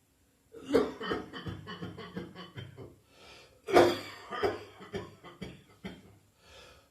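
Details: New Year coughing, gagging and spitting in an ongoing, persistent cough: two harsh coughing bouts, each trailing into a run of short, strained hacking sounds suggestive of gagging.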